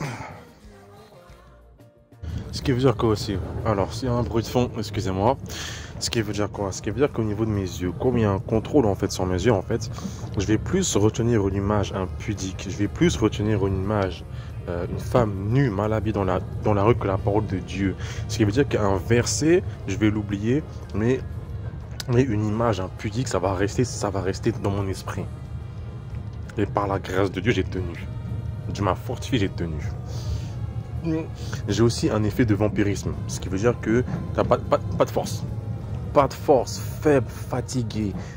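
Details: Adult man speaking French who describes his own stutter as terrible and audible in his voice; he attributes it to sorcery; stuttering.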